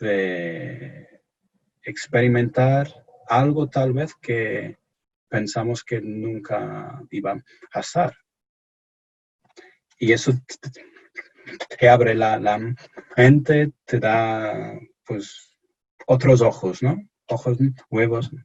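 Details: Stuttering in an adult English-born man speaking Spanish as a second language, who reports anxiety and pressure when speaking.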